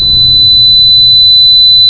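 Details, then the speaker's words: Simulated tinnitus: steady, loud, high-pitched pure whine imitating ear ringing. "आवाज आती है well इसे प्यार से टी नाइटर्स कहते हैं"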